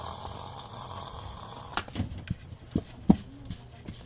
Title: SNORING DOG🐕